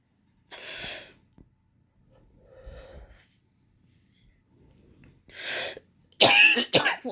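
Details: Vaping: breathy vapor exhalations followed by a short cluster of sharp, dry coughs after inhaling; cough after vaping.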